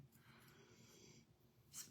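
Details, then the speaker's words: A dog sleeping after a long day breathes with a low fluttering rumble and hissy airy noise, then a short snort: ordinary snoring in a quiet room. "you hear him snoring?"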